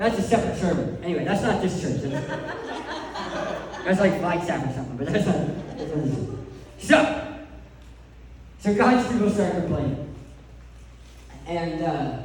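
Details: Adult male who lost 80% of his tongue to cancer, leaving a permanent speech impediment; speech impairment after partial glossectomy.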